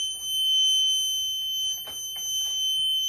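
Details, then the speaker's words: Continuous shrill electronic hospital bed alarm with faint room noise and voices, in the room of an emergency room patient with severe lower back pain. "so much for the new technology it doesn't want to do anything the bat starts beeping it's the bed alarm"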